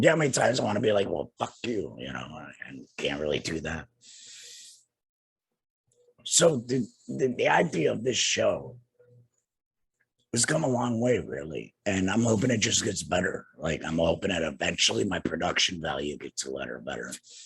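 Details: Adult man, two years after total laryngectomy for cancer treated with radiation and chemotherapy, with no larynx and breathing through a neck stoma, speaking with a tracheoesophageal puncture (TEP) voice prosthesis and using an HME: tracheoesophageal speech after total laryngectomy.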